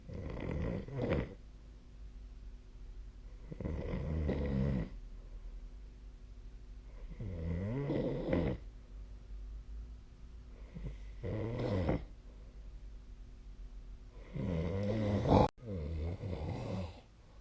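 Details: Loud, rattling snores during sleep recurring about every three to four seconds with quiet pauses, recorded with the SnoreLab snoring app.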